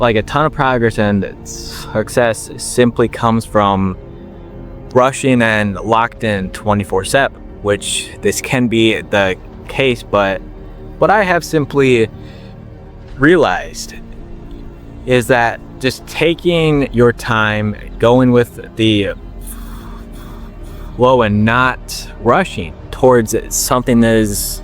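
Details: 21-year-old man with stuttering since he began talking, long working to overcome it and reporting that slowing down improved his speech; word repetitions audible; stuttering.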